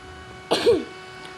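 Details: A single short cough from a child, a sharp burst with a brief voiced tail, over steady room hum.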